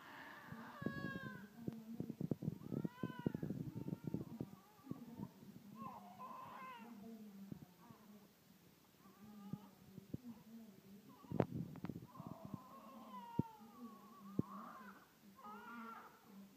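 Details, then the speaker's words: Newborn baby's first cries just after birth: short, thin, rising and falling wails that repeat over background clatter and a low hum. "It's daddy baby No don't cry Papa will take you home now"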